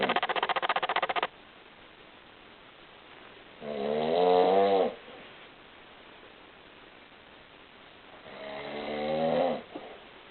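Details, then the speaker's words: Adult man (a dad who snores a lot) snoring: two long, rough, rattling snores on breathing in, several seconds apart, in a quiet room with brief noise at the start. "I take um I'm taking a video of dad snoring I'm the only one in my family that doesn't snore"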